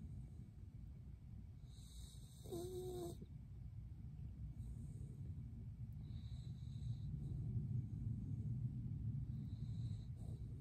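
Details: Sleeping dog: soft, quick little breaths with faint snuffling over a low background rumble, plus one brief squeaky sound early on; gentle snoring, low-quality recording.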